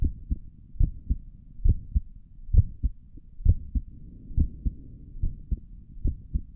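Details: ASMR recording of the creator's own heartbeat through a stethoscope on the chest; steady paired lub-dub at about 67 beats a minute, regular rhythm; stomach gurgles occur during the recording; normal heart sounds.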